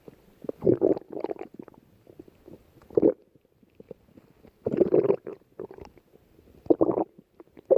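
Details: Lying down, ordinary stomach growling (borborygmi): irregular gurgling and rumbling bursts from the belly as gas and fluid move through the gut.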